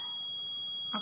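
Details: Syringe pump during setup for an ordered infusion rate (e.g. 3.2 ml/h): steady high electronic alarm tone signalling air in the syringe or line; air-in-line alarm.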